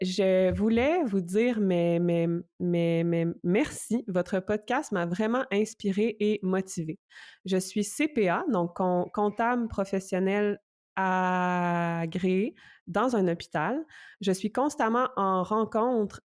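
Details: Stuttering in an adult woman speech-language pathologist who stutters, reading a message aloud in French.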